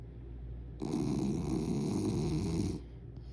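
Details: A single sustained rumbling, fluttering breath of about two seconds from a sleeping dog; snoring.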